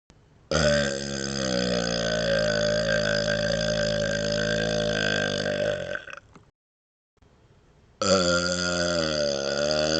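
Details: Deliberate burping while rubbing the belly, patting the head and moving the tongue outside the mouth: two long, loud, deep, wavering burps separated by a brief pause, prolonged voluntary belching.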